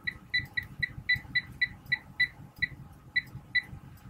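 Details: About twelve short high beeps in quick succession as keys are pressed on an Alaris MedSystem III infusion pump, setting channel A primary rate to 5 mL/hour with 15 mL volume remaining for a sedation infusion.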